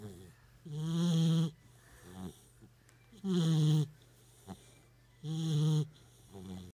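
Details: Labrador puppy snoring while asleep after a long walk, with loud buzzing rattles on each breath at about 26 breaths a minute.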